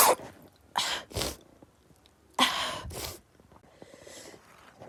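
A rapid run of four forceful sneezes, in two close pairs, with quiet breathing in between.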